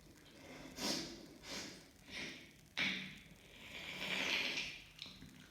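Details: Person after a sneeze: repeated hissing nasal sniffs and snorts with a sharp burst partway through, noisy congested-nose breathing; snorting.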